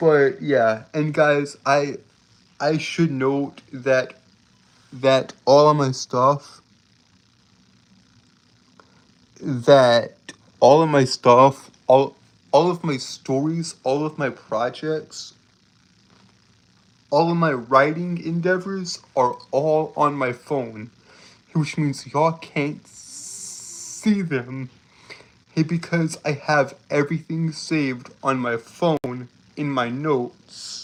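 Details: Male streamer with a self-described speech impediment causing stuttering and tripping over words; phrases repeated over and over.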